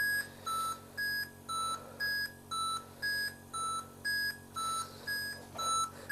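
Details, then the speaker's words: Simulated scene from a Latvian TV drama: a bedside monitor beeps steadily in two alternating tones, about two a second, beside the head of a bedridden grandfather on life-support machines in a quiet room. "T kas tā par dzīvi tev ir? Besī ārā visu laiku pīkst pie galvas. Kā tā vispār var pagulēt?"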